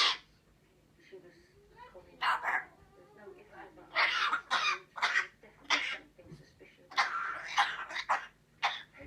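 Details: A run of harsh, hacking cough bursts, several in quick succession with short pauses between, from a Cornish Grey cat with a persistent cough.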